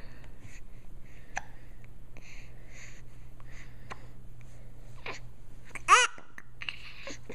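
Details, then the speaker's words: Brief sharp hiccup catches recurring about once a second, with one louder abrupt gulp, over steady room hum; hiccups. "I come in peace I come with hiccups take me to your leader"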